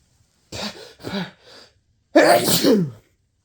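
Three short breathy build-up breaths followed by one loud explosive sneeze; a forceful sneeze.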